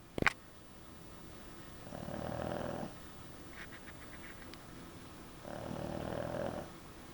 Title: Hank The Snoring Pug